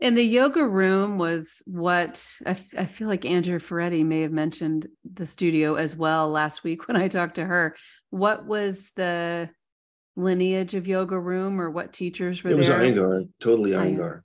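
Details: Adult speaker; normal speech.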